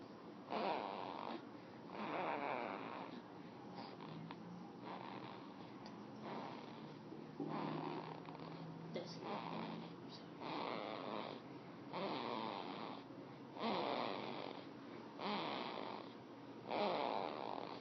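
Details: Rough, rhythmic snoring that rises and falls about every two to three seconds, roughly twenty breaths a minute; snoring.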